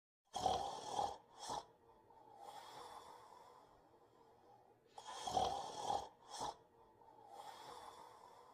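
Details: Soft, raspy snores in repeating breath cycles, each with a short snort, about two cycles in eight seconds; ordinary soft snoring.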